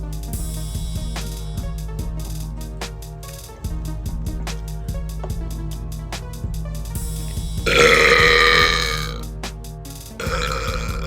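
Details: Girl burping voluntarily and loudly for fun: one long, loud, rumbling burp, then a second shorter burp, over rhythmic background music.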